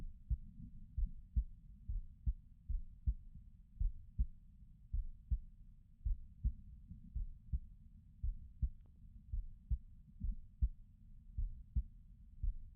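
Steady low thumps of a heartbeat at about 53 beats a minute, each beat a soft paired thud.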